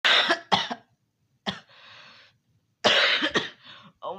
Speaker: I can't stop coughing. I can't stop coughing. This is all your fault.